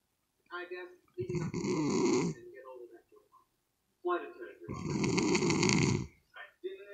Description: When the snoring gets to loud